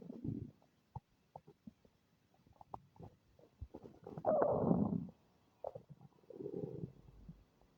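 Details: Stomach making unfamiliar noises: soft clicks and pops, then a couple of longer low gurgling rumbles in a quiet room; bowel sounds (borborygmi).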